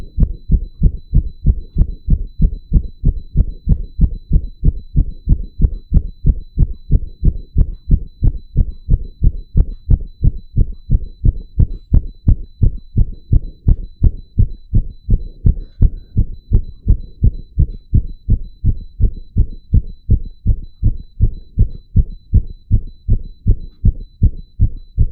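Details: Real heartbeat of an adult wired to a 3-lead ECG monitor, deliberately made to beat very fast; rapid, regular low thumps at about 176 per minute with a faint steady monitor beep; tachycardia.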